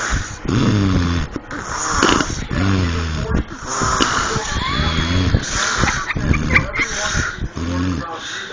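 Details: Person snoring while being tickled, with laughter nearby: loud, rough, rattling sleep breaths with low fluttering on the in-breath.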